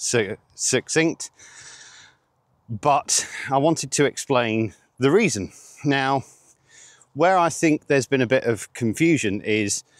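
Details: 47-year-old man with stuttering (stammering) since age eight.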